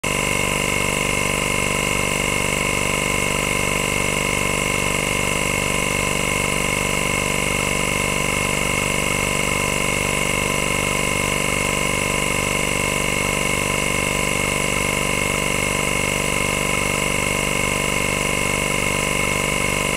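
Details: Steady loud motor hum with a fast rhythmic pumping pulse, about 160 a minute, from a running suction machine.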